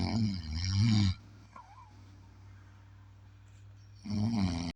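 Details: Loud, deep, rumbling snores about three seconds apart, with a quiet pause between them.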